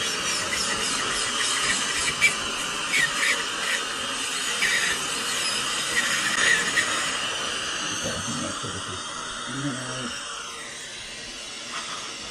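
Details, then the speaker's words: Steady high-pitched whine and hiss of a dental drill cutting a still partly vital tooth front to back into two pieces for surgical extraction. "I'm going to separate the tooth into two pieces and I'm going to kind of just cut it front to back here and then we can easily take it out like two spinners rather than trying to pull out one big piece which would be much more traumatic"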